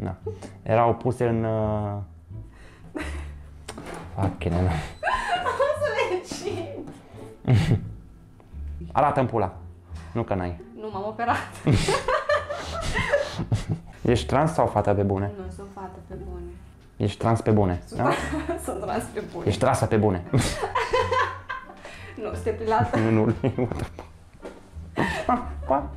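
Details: Man with Tourette syndrome speaking Romanian while cooking with a guest; involuntary obscene words occur mid-speech; Tourette syndrome with vocal tics (coprolalia).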